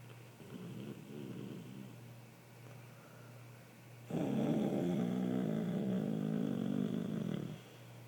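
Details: Snoring from sleeping people: low, rough, rattling breathing noise growing louder midway, steady background hum.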